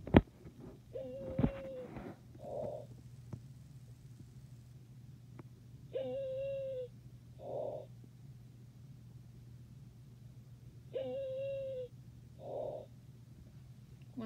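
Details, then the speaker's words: Stridor programmed on a nursing simulation manikin via SimPad, amplified with volume at 10; high-pitched musical crowing on each inspiration, typical of upper airway narrowing. "back to the lungs lung sounds I'm gonna go to Strider"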